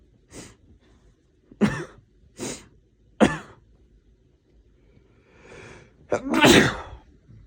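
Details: Adult man with a cold: a rapid run of about five or six sharp sneezes within seven seconds; a sneezing fit.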